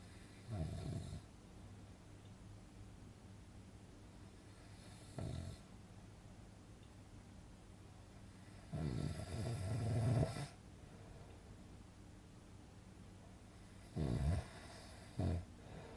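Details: Four rough, low snoring breaths in about 16 seconds, some longer and louder, separated by quiet pauses; a snoring sound effect; snoring.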